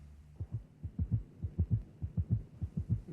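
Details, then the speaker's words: Teaching recording of a gallop rhythm: tachycardia with an additional diastolic heart sound per beat, third or fourth sound indistinguishable at this rate, giving a galloping three-beat cadence. "There you have it. Increased heart rate and an additional heart sound producing a gallop."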